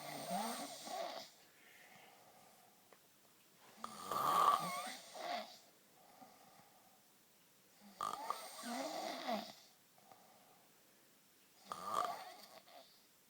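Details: Adult man (boyfriend) asleep: loud rattling snores on each in-breath, about 15 a minute, with quiet breathing out between them.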